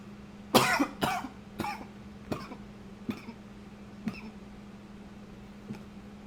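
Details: Recorded with a new high-fidelity microphone: a run of about seven coughs, the first loudest and the rest fading, in a quiet room; repeated coughing.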